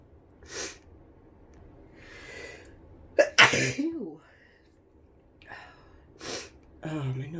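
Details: Sneezing with flu and an itchy nose: sniffs and breaths, then a loud explosive sneeze followed by a voiced groan.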